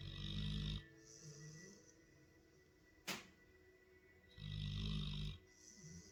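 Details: Labrador dog asleep on the couch, snoring: low, rumbling snores on breathing in, with softer noisy breaths out between them, over a faint steady hum.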